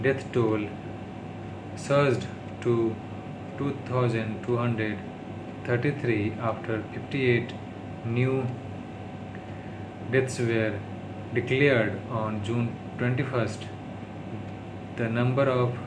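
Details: Adult man who stammers, speaking English on day 36 of daily speech-therapy practice; he calls it his worst stuttering, worsened by tiredness, stress and low mood; stuttering.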